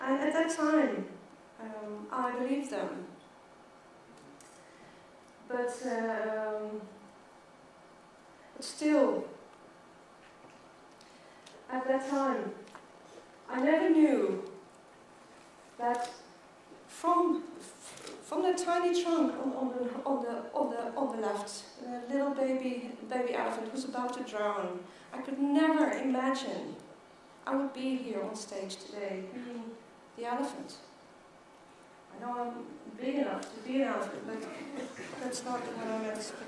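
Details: Adult woman who stutters and counts herself part of the stuttering community, speaking as keynote at a world congress for people who stutter. The finding is real stuttering.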